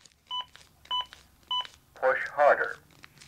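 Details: Three short, evenly spaced electronic beeps then a brief voice prompt from a Zoll AED Plus fully automatic defibrillator; AED beep tones.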